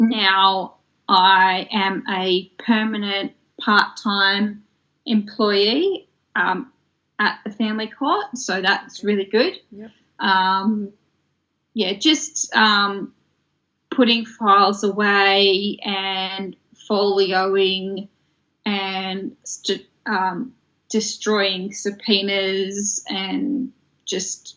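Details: Adult woman from Australia with aphasia that developed after a stroke in 2016 at age 33: aphasia.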